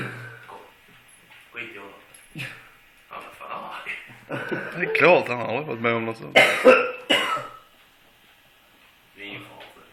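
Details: An adult man coughs in odd, strained, voiced bursts with throat-clearing, giving an almost vocal quality, while a dog looks on. An unusual cough.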